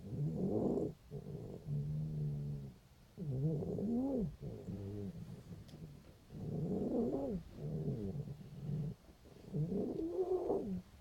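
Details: Loud, rough, vibrating stertor on both inspiration and expiration, about 19 breaths per minute, in a female cat 5 days after laryngeal tie-back surgery.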